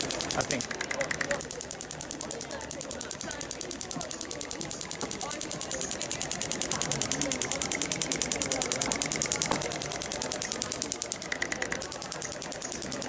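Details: Storz radial shockwave (ESWT) fascia-release treatment of an uninjured male Olympic athlete with a tight thoracic spine and reduced right shoulder motion; steady rapid clicking about ten a second over faint room noise; radial shockwave therapy pulses.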